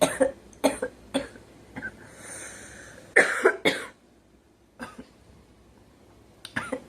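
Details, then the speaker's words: Girl coughing while sitting and smoking: several short, harsh coughs with throat clearing, separated by pauses, in a quiet room. "E [clears throat] just sitting here smoking and choking, I guess."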